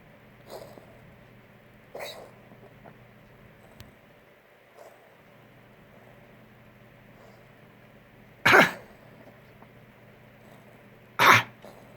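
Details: A cat coughing: a few faint short bursts, then two louder abrupt coughs over a steady background hum.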